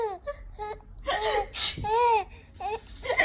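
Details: Baby with hiccups crying: short whimpering cries with rising and falling pitch and brief breaks between them; fretful infant cry.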